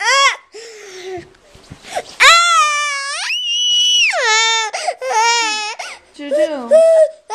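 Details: Young child's loud strained crying with high wails and whimpers between sobs; distressed, mother suspects tummy pain and GI problems.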